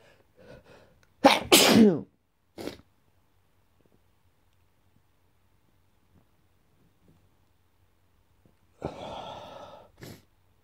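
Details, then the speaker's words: Sneezing attacks every morning in February, which the person blames on dust and mold in the house: three forceful sneezes, the first two close together and a third after a quiet pause. "So I keep sneezing. Every morning, just really need to clean so much dust and mold in this house."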